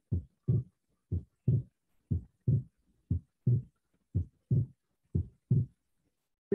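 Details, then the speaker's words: Physiological splitting of the second heart sound: regular heart sounds near 60 a minute, with S2 splitting on inspiration and becoming single again on expiration. "que com a inspiração ocorre o desdobramento da segunda bulha e com a expiração as bolhas ficam Normais"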